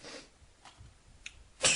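Short quiet intake of breath, then a sudden sharp, hissing sneeze burst at the end.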